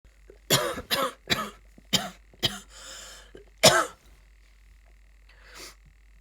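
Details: Person sick with a bad cold coughing and sneezing: six short, sharp cough bursts in quick succession, then a softer throat-clearing sound near the end.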